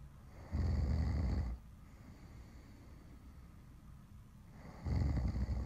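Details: Recorded snoring: two loud, low rumbling snores about four seconds apart, quiet breathing between; ordinary snoring.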